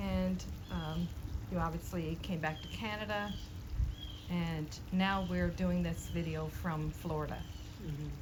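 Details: Adult speaker, interviewer; Normal conversational speech.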